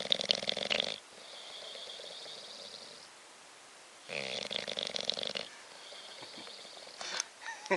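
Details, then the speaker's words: Sleeping bulldog: two loud, rattling, whistly snores with quiet breathing between them; snoring. "Bobby. Bobby. Bobby. Stop snoring."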